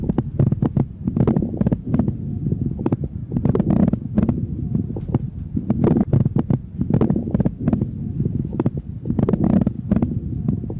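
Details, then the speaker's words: Lung auscultation demonstration of moist rales (coarse crackles) from air moving secretions in bronchi and alveoli: uneven loud and soft bubbling of mixed air and fluid, heard at the start of inspiration and expiration. "Thì cái tiếng ran ẩm này nó xuất hiện khi mà không khí làm chuyển động các lớp dịch tiết trong phế quảng và phế nan. À tiếng của nó thì nó có cường độ to nhỏ không đều âm độ cao âm sắc như tiếng lọc sọc của khí và dịch pha trộn với nhau."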